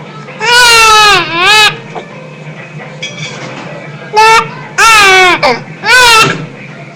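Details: Baby with hiccups crying: loud, high-pitched infant crying in several long wails with brief pauses between them.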